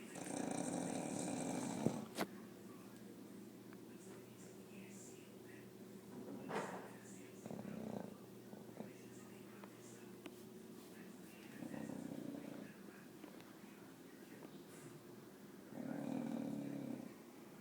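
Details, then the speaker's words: Sleeping dog snoring loudly: rough, rattling snores every few seconds with quiet breathing between. "Wake up! You were snoring, you snoring dog."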